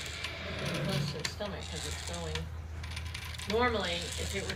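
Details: A senior Paso Fino mare with suspected mild choke has a nasogastric tube passed into her stomach, and a hand pump pushes fluid through it: rhythmic mechanical clicking and squeaky rising tones over a low steady hum.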